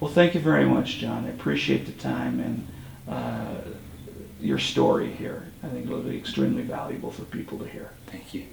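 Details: Adult male speaker; normal speech.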